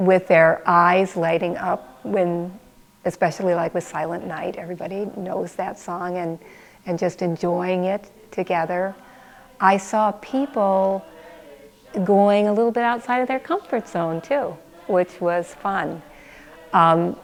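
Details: Adult woman speaking; normal adult speech.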